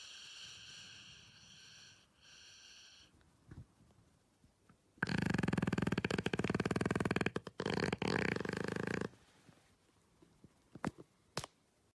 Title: A dog snores like the humans